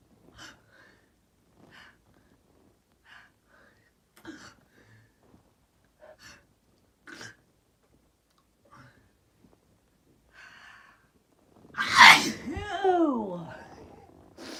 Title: Sneezing 6